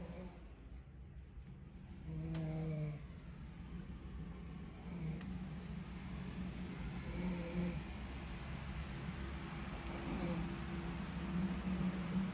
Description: That pregnancy snore though 🙃